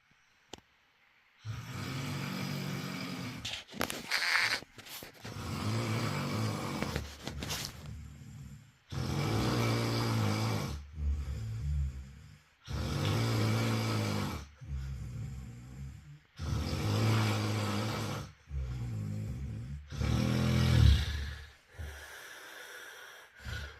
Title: Ressonar/Snoring #snoring #snoringsounds #shutup #wakeup #nocomment #ressonantes #ressonar